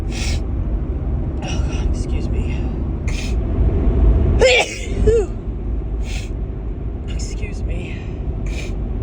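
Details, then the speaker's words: Female repeatedly sneezing, one sneeze with a brief voiced catch amid low rumble and short hissing sounds, described as a huge sneeze; she suspects a grass pollen allergy. "Oh, my God. Oh, that was a huge sneeze. Oh, excuse me."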